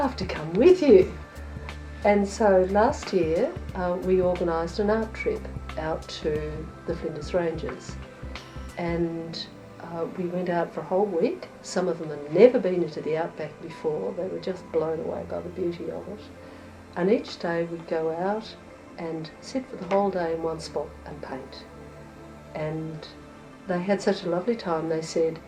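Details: Adult male speaker (carer); Normal fluent speech.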